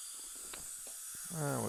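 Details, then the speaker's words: Steady hissing spray with soft clicks, then a rising whistle, as a dental air-water syringe rinses a patient's composite-veneered upper front teeth, around teeth 8 and 9, before silane and bonding of a weak tooth with bone loss. "we changed the color of these two 89 11 and 12 I believe we ended at 12 we're ready to rinse that thoroughly"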